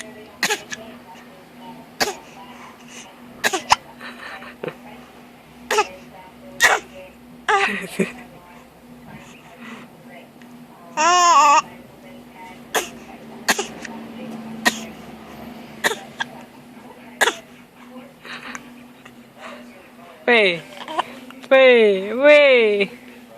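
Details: A young child pretend coughing: repeated short, sharp coughs with a couple of high vocal squeals between them.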